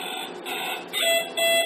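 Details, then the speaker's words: Two short, steady, mid-pitched beeps over room noise: power-loss alarm of a Pumani infant bubble CPAP machine, sounding after a 10-second delay once power is lost, demonstrated in training. "So if the power is lost, the Pumani, you'll hear it no longer running, and you'll also see that the green light, the indicator light here on the corner, is no longer lit. There's a 10-second delay before an alarm begins to sound."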